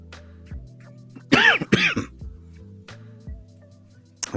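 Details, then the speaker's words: Adult with a lingering post-viral cough after a cold, possibly lasting longer, in a chilly room: two harsh, throaty cough bursts over soft background music. "yeah so as you can hear the lingering cough um and it may last for a while longer who knows"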